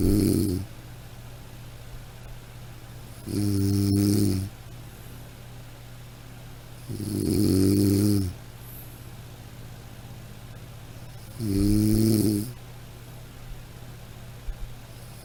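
Regular buzzing snores on each breath in, about 15 breaths a minute, over a steady background hum; sound-effect recording.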